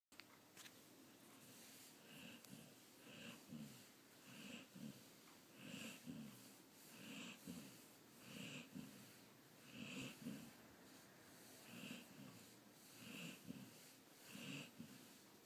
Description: Snoring Golden Retriever